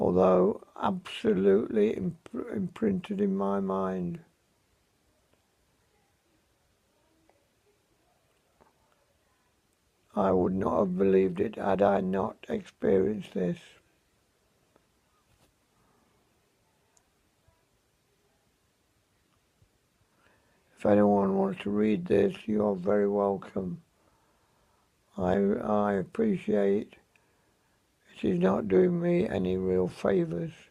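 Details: Unscripted home recording of a 77-year-old man with severe dysarthria after a severe stroke in May; very limited mobility, and he says his voice is severely affected.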